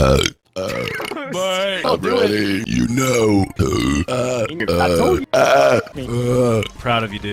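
Long, loud, voiced belches follow one another with short pauses: repeated burping.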